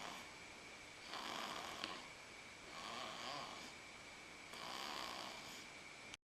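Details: Light snoring while sleeping on a parent's lap: soft, airy snores repeating about every two seconds against steady room hiss.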